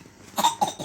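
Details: Cough in a girl said to have a fever, cough and flu: two quick, light coughs close together.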